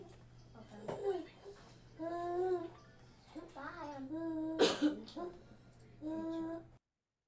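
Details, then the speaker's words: Nine-year-old unwell boy lying propped on pillows, staring and not tracking, with harsh, high-pitched, musical noises on each breath: stridor of croup, easily mistaken for audible wheeze. "what sound is that audible we is a great guess that is Strider so this is why audible we and wheezing and Strider get overlapped a lot and this kid this is actually Strider"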